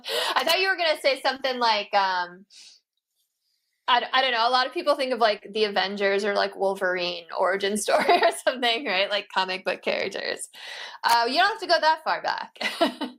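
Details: Adult speaker, conversational; ordinary speech.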